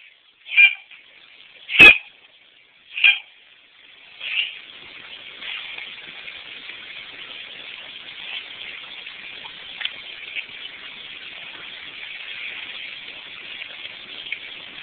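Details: 7-year-old cat with coughing attacks a couple times a month, seeming to swallow coughed-up mucus or fluid, no hairballs: four short, sharp hacking coughs, then steady faint breathing hiss.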